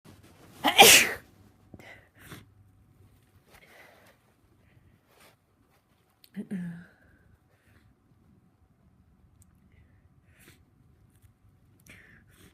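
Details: Person with a cold and a very tickly, congested nose: one loud, sharp, massive sneeze, then soft sniffs and a short voiced sound in a quiet room; sneezing.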